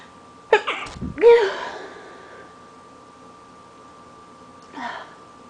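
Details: Sneezing repeatedly all morning from allergies after leaving the window open, trying to stay quiet but unable to hold some sneezes in.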